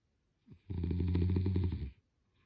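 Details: Sleeping person snoring: one long, low, rattling snore on a breath in, with a short breath sound just before it; ordinary snoring.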